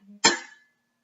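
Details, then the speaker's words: Weber test for cranial nerve VIII: a tuning fork is struck and placed on the patient's forehead, giving a sharp metallic strike and a fading high ringing tone; patient hears it in both ears. "So I'm going to do the Rhine test and the Weber test to test for the 8 cranial nerve. So Emeka, I'm going to hit this and put it on your forehead. You tell me if you can hear it in both ears, okay?"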